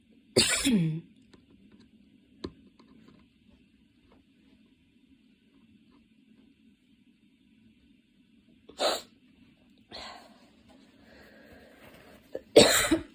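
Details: Person studying for an exam has a worsening cough attack, changing positions (standing, kneeling, sitting with hands on knees) to relieve the chest: a few loud harsh cough bursts with long quiet gaps and faint breathing; coughing fit.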